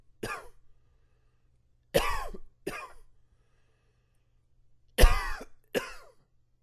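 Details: Five harsh, dry coughs and throat clears in quick groups with pauses; irritative cough attributed to allergies.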